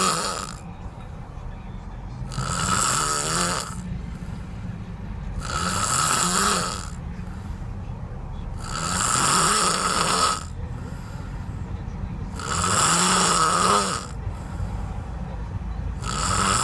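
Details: Heavy, regular snoring in a sleeping man, about 17 breaths a minute, loud rattling on each breath with steady background noise.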